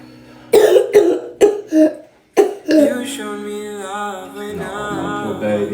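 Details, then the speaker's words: A sick child with a horrible cough and sore throat gives about five harsh coughs in a rapid run, then music plays; repeated coughing. "you're not feeling good yes no you're not you got a horrible cough"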